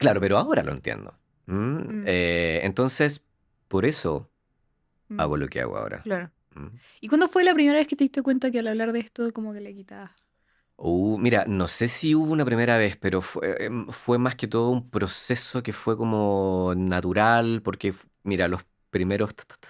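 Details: Adult man, organizational psychologist, with lifelong stuttering since childhood; Spanish speech; stuttering.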